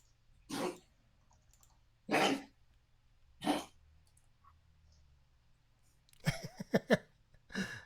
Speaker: dog he got a little bit of a kennel cough i think after being boarded this weekend unfortunately it's subsiding but thank gosh